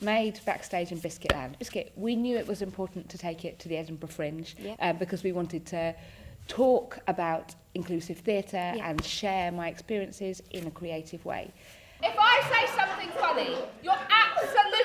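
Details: Adult woman speaking; Tourette syndrome vocal tics.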